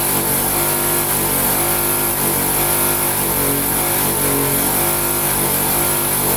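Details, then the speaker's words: Demonstration of infant suctioning: suction machine switched on to check suction works before lubricating the catheter, giving a loud steady motor whirr with droning hum; suction machine running. "I'm gonna put my suction machine on and we want to make sure that our motion is working"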